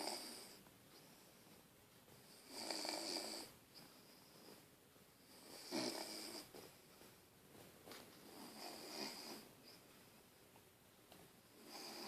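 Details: Soft, airy snores on each breath, about 21 a minute, in a quiet room: snoring in a sleeping Bichon dog.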